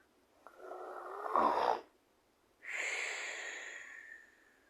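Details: Snoring: a rough snorting inhalation followed by a hissing exhalation.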